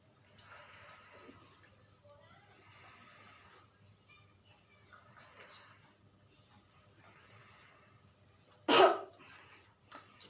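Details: Nursing student demonstrating deep breathing and effective cough technique to a patient to clear the airway and secretions: several slow deep breaths in and out, then one sharp forceful cough; effective cough (demonstration).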